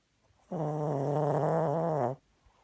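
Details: One drawn-out, rumbling, voiced snore on an inward breath, about 1.5 seconds long, in a quiet room.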